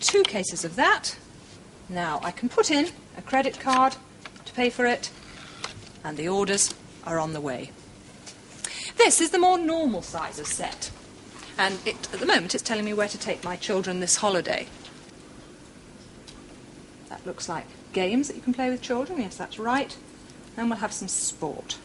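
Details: Adult speakers, likely two in conversation; ordinary speech.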